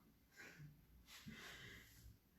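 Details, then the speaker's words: Dog snoring in the background during a livestreamed chair-based workout: faint, rough snorting breaths in a quiet room, about two cycles; snoring. "laughing, the dog is snoring there. I don't know if you can hear her, I hope not."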